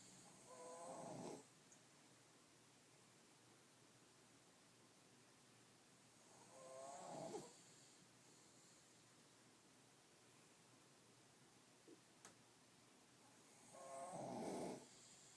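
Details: Sleeping dog snoring in its usual way, slow, regular rasping breaths about eight to nine a minute.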